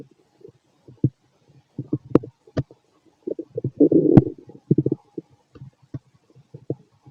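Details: Fit adult male's abdomen after a bowel movement: stomach noises, bowel sounds (borborygmi).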